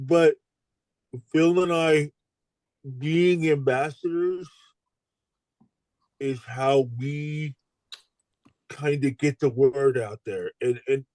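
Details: Adult stroke survivor with aphasia following stroke; aphasia.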